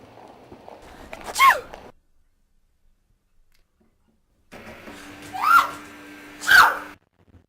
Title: Sneezing